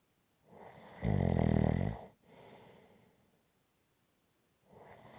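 A loud rattling snore on the in-breath, then a softer out-breath and the start of the next snore; ordinary snoring.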